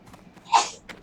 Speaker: you that was my wife sneezing if you're wondering if you couldn't hear it